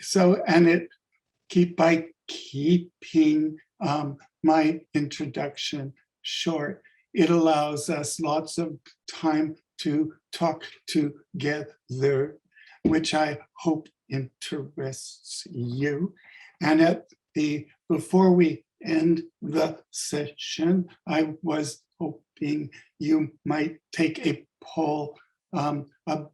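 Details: Adult man with sudden adult-onset stuttering that began five years ago, attributed to functional neurological disorder with seizures; it started as initial-sibilant stuttering and is now mostly syllable-level blocks, and he is fluent in a mirror or with a fake accent: stuttering (blocks).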